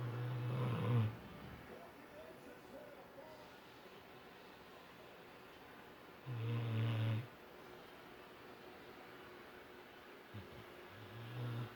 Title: my dog Raiden snoring